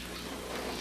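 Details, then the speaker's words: Stethoscope auscultation of the rumen over a cow's left flank during an exam (temperature 39 °C, normal). A brief crackling rustle like crumpled paper: a normal rumen contraction. "On entend ici les contractions du rumen. C'est comme du papier qui est comme bouchonné."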